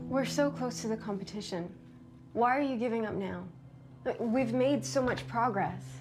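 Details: Adult woman, acted scene; typical speech.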